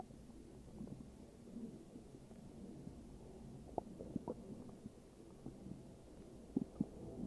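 Low rumbling and gurgling with a few small pops; ordinary stomach growling.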